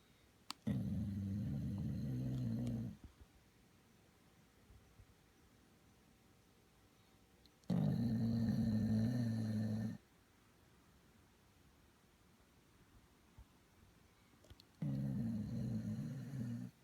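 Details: Moka, a sleeping dog, snoring: low, rumbling snores on three long breaths with near silence between.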